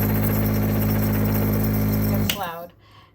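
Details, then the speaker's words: Loud, steady mechanical hum and rattle of a large plug-in electric compressor nebulizer running, then switching off and winding down; the noise frightened the owner's young children. "it goes into the electricity and it does make a lot of noise so as uh uh the kids were small they were afraid of the noise that it made and I just want to for example show you the amount of noise that this thing produces it's"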